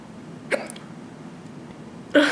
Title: Hiccups Killed My Cuteness ! ♥